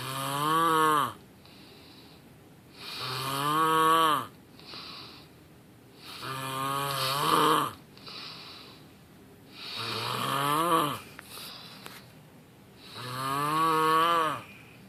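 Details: Steady snoring: five loud, buzzing, slightly musical snores on each breath in at about 18 breaths a minute, with quieter breaths out.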